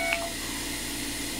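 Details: iTero digital intraoral scanner scanning adjacent teeth of the lower jaw: a single short electronic beep against steady machine noise; intraoral scanner beep.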